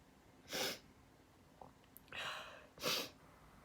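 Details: Three sharp, hissing bursts with a faint sniff between them in a quiet room, from someone wearing a detox face mask who can't touch or blow their nose: a run of sneezes.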